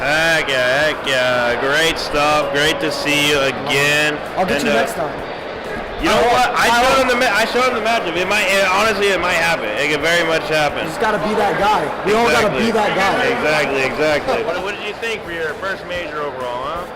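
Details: Adult men in conversation; normal voice.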